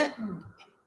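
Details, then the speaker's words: Stridor heard on auscultation of a patient in a pediatric emergency lecture: after a quiet gap, a loud, harsh, high-pitched musical breath noise, indicating upper airway obstruction. "Então, se eu estou escutando um estridor, isso me remete, né, a uma obstrução de via aérea superior, né?"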